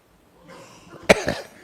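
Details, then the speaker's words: Adult man, monk giving a talk, who had a really bad sore throat that day: an indrawn breath followed by two quick, harsh cough bursts. "僧房で私が咳をしているのが聞こえましたか？"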